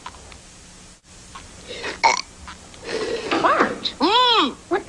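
An imitated belch from a cartoon, with a long, rising and falling voiced burp among other voices.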